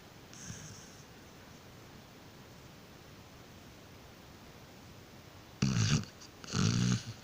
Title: Australian Sheperd is sleeping/snoring *cute*